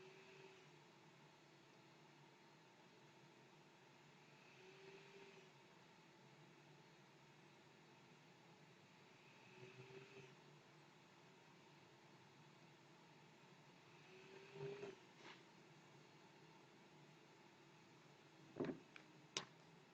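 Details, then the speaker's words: Z1 Auto travel CPAP machine running at a set 9 cmH2O with a standard nasal mask worn, microphone 50 cm away: a very quiet, steady airflow hum with gentle swells about every five seconds. "and there you have it the noise level of the zed1 auto machine operating on 9 cm is of pressure"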